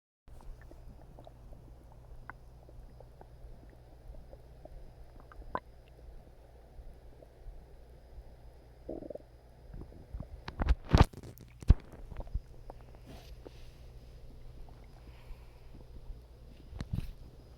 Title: Calming Stomach Growling